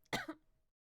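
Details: A single short, forceful cough from an adult with a cold who sounds hoarse, ending quickly in a quiet room: cough.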